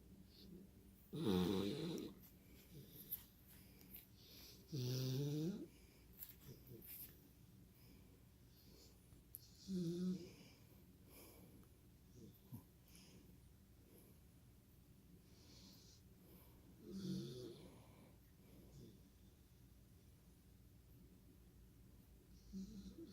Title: Snoring away